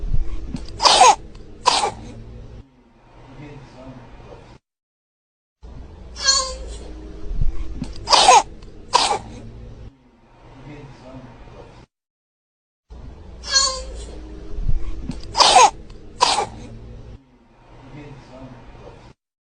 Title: This video get progressively mors annoying (coughing baby)